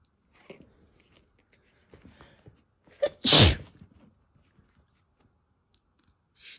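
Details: A quick catching breath, then one loud explosive sneeze in a quiet room, with faint rustling and soft sounds before and after: sneezing.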